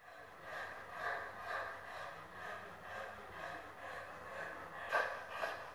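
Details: Puck, a 10-year-old Kurzhaar (German Shorthaired Pointer) dog in a severe respiratory crisis, with severe dyspnea and polypnea; rapid, harsh, noisy breaths with inspiratory stridor from bilateral arytenoid (laryngeal) paralysis confirmed on endoscopy.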